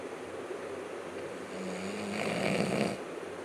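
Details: Person snoring while asleep at an aunt's home, recorded by their sister; snoring.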